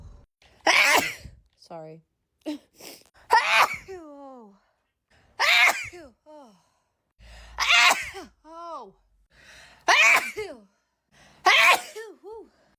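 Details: Six forceful back-to-back sneezes, each a sharp burst with a brief voiced tail; repeated sneezing.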